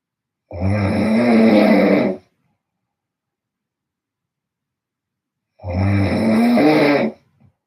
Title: I have a bad snore funny noice. 😴😱🌧️